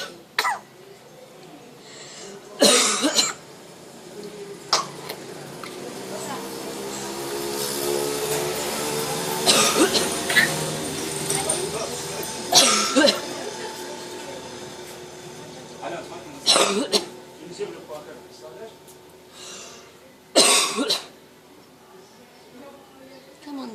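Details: Parrot on holiday in Zante mimicking people's coughs after hearing them: about six sharp, human-like cough bursts between softer whistling chatter; imitated cough, not illness.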